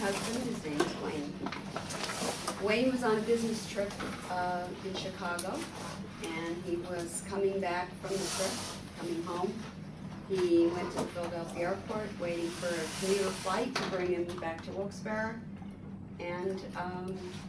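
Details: Adult woman speaking; typical speech.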